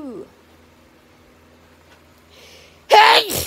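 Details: A quiet pause, then one sudden, loud explosive sneeze; an autumn hay fever sneeze.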